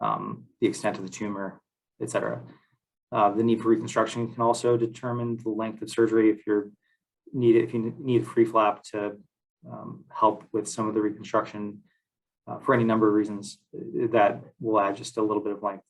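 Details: Adult man speaking; normal voice.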